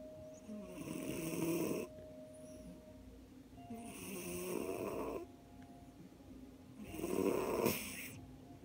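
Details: Rhythmic, rough snoring breaths about every three seconds, roughly 20 a minute, with a faint steady background tone; snoring.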